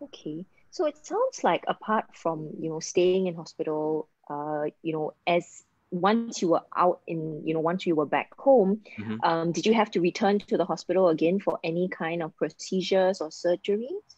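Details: Adult speaker; normal speech.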